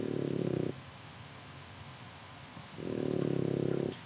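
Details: French bulldog puppy fast asleep and snoring: two long rattling snores separated by a quiet pause.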